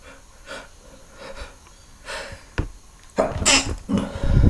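Several short noisy bursts, a few muffled, ending in louder explosive ones: sneezes, some held back, in a small room.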